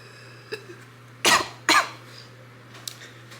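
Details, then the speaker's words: Adult with retrograde cricopharyngeal dysfunction (RCPD), treated with Botox that did not work, drinks a very carbonated soda and forces a burp, producing a cough, gag and burp. "Did you burp? Yeah. I coughed, gagged, burped."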